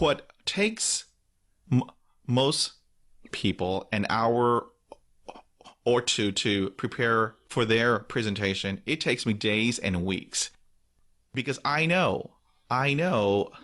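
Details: Adult man who stutters, describing blocks; repetitions audible; stuttering.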